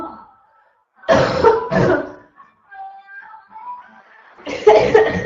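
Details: Harsh, hoarse coughs in bursts of two with pauses between runs, from an adult woman with a constant barking cough.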